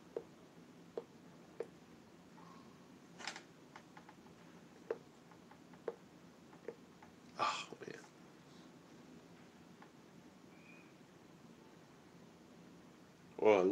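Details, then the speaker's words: Adult man with temporomandibular joint disorder doing jaw exercises: jaw clicking; he reports jaw tension and ear pain. "can you all tell me can you hear my jaw clicking when i do my tmj exercises"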